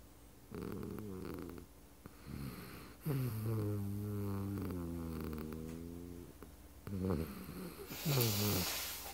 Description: Our eleven pound poodle-thing is the loudest snorer in the house.